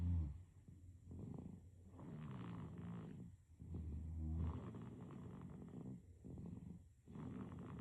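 Soft, steady, rumbling snores with each breath, about eight breaths a minute apart in gentle cycles; snoring in a sleeping baby.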